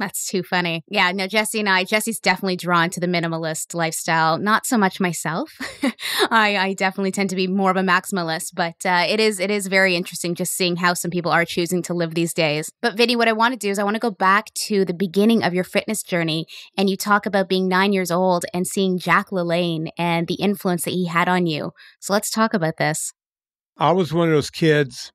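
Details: Adult woman speaking, brief reply from an adult man; normal conversational speech.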